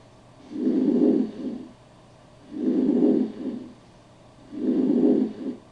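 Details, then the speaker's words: Normal vesicular breath sounds over the peripheral lung bases: soft, low-pitched rustling murmur, louder on inspiration, about 30 breaths per minute. "Murmullo vesicular. Sonido de baja intensidad, tono grave como un murmullo."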